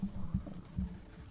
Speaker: Oh, my tummy just grumbled. I don't know if you guys heard that.